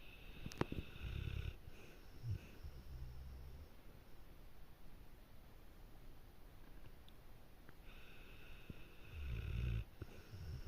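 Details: Snoring: soft, low rumbling snores with each breath in a quiet room, about two cycles heard; ordinary snoring during sleep.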